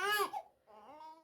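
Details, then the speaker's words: Infant girl, ready for a nap, put in a swing she dislikes during a cry-it-out attempt: a brief cry fading into a softer, quieter whimper, an ordinary fussing cry. "does it do you not just scream and cry"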